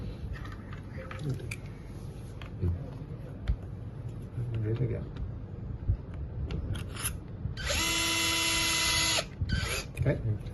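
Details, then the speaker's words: Room talk and handling clatter, then a loud, steady drill whine for about two seconds as a surgical drill runs through a patient-specific guide in a custom 3D trochlear knee resurfacing workshop. "now what happens now is that you will use the full drill and drill the hole for the implant keep in all the way down"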